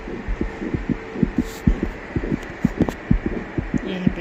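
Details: First time hearing the baby's heartbeat on a pregnancy ultrasound scan: rapid, regular whooshing pulses of an early fetal heartbeat.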